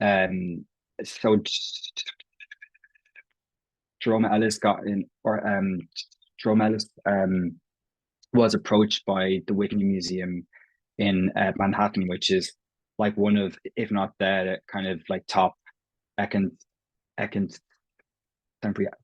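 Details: Stuttering (stammering) in an Irish adult man who has stammered as long as he can remember; his own speech features prolongations, repetitions and blocks; stammering in conversational speech.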